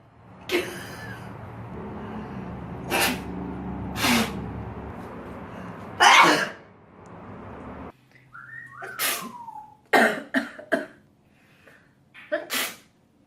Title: Sneeze Goddess Compilation